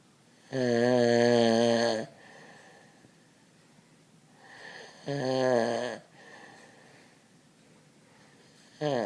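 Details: Man's heavy snoring during sleep: loud, buzzing inspiratory snores about three seconds apart, two full ones and a third starting, with quiet breathing between.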